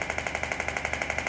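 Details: Radial shockwave (EPAT/RPW) Atlas applicator firing on the hand/forearm, rapid even tapping about twelve pulses per second, superficial treatment demonstration for conditions such as carpal tunnel and trigger finger.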